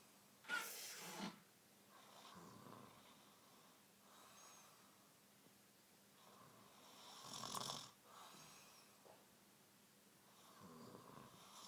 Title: Real snore